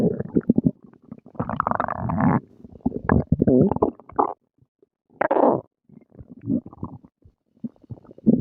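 Long gurgling and growling rumbles with short pauses; normal stomach growling after a meal.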